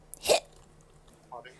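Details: Streamer with a bout of hiccups during about two minutes of hiccups and light chatter; a single sudden, sharp hiccup followed by a soft, brief voiced sound.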